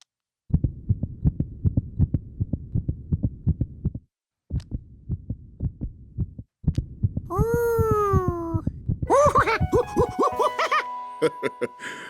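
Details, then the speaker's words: Rapid, regular low thumping heartbeat heard through a stethoscope in a cartoon, a doctor's own heart, followed by rising whistle-like sound effects and music; animated, not a real recording. "Ever used a stethoscope, George? I use it to hear things that I can't see. That's the sound of my heart."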